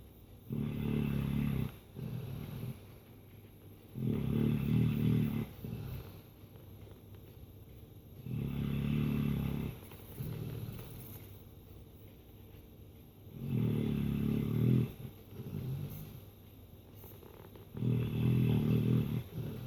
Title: Dreaming and snoring chocolate lab